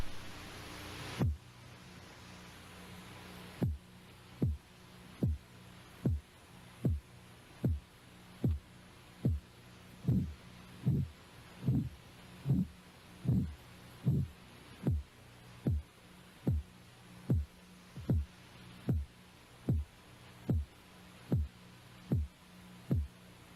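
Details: After a brief hiss, regular tapping thumps start at about 75 a minute, grow louder, then soften and fade: Korotkoff sounds heard with a stethoscope at the elbow while the blood pressure cuff deflates.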